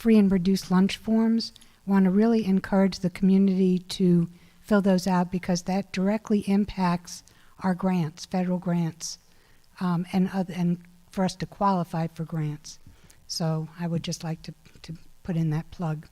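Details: Adult woman; normal voice.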